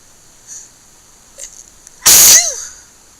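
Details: Wet sneezing with a lot of 'tiching' breathing: a few quiet breaths, then one loud, explosive sneeze with a spray-like hiss and a brief vocal trail.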